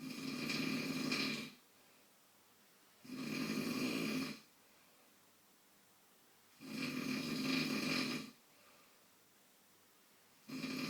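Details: Adult man (dad) asleep and snoring: slow, regular, rough rattling snores over a second long with quiet gaps, about 14 per minute; snoring.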